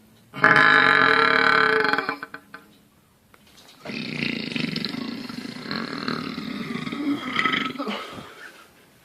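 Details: Loud burp compilation: two long, loud, rumbling belches, the first sustained for about two seconds, the second a drawn-out croaky burp; burping.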